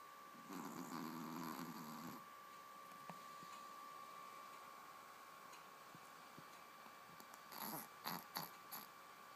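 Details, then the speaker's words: Baby girl in deep sleep snoring loudly while her mother talks to her. "Are you tired? Aww. Mama loves you. You're snoring so loud."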